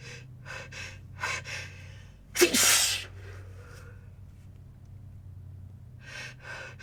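Series of quick gasping in-breaths building up to one forceful wet sneeze, then quieter breathing and more catching breaths; steady room hum.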